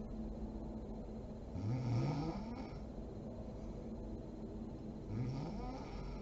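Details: Mother snoring while asleep: two low, rattling snores on inhaling against steady room noise.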